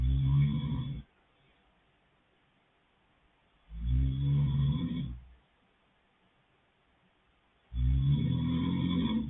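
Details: Adult male boyfriend asleep: loud, low rattling snores about 15 a minute with silent pauses between breaths; ordinary snoring.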